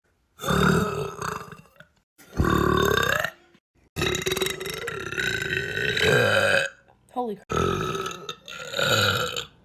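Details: Burping compilation: a run of long, loud, rumbling, deliberate burps with brief pauses between them.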